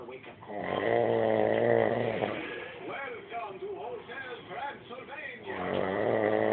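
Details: Sleeping adult man (a father) snoring: loud, drawn-out rumbling snores alternating with gurgling, throaty breathing noises; snoring.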